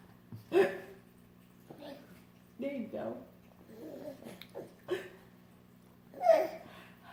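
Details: Hiccups in an adult mother: three abrupt, sharp gulping bursts spaced seconds apart, with a child's playful babble and laughter between and a steady room hum.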